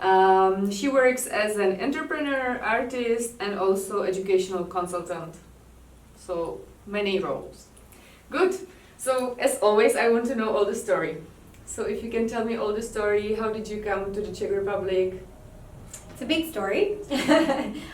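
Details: Adult woman speaking; normal voice.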